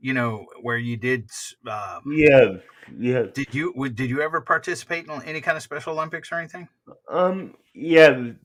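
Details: Adults in conversation; conversational speech.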